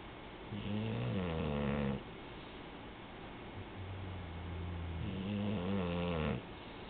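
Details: A little girl snoring: two long, loud, rattling snores on inspiration with quieter breathing between; ordinary childhood snoring.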